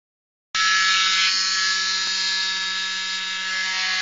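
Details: Steady high-pitched motor whine of an oscillating cast saw cutting continuously through a cast during cast removal.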